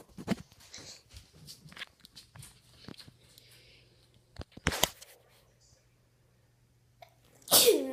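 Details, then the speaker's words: A dog gives a single sharp, explosive sneeze amid quiet room sounds and a steady low hum. "The whole world just saw him sneeze."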